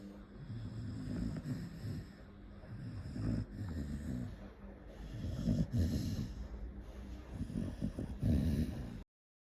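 Irregular low snorting and rumbling breaths, about two dozen a minute, with faint room noise; snoring.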